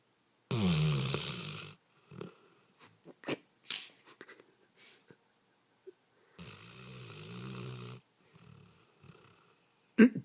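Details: Sleeping dog with loud snoring: two long, rough, rumbling snores with soft snorts and sniffs between them.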